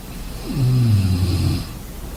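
A single deep, vibrating snore lasting about a second, over background hiss: snoring during sleep.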